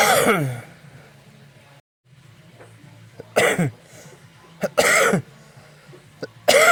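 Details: Adult person coughing: four loud, harsh cough bursts separated by pauses, with a low hum in the background.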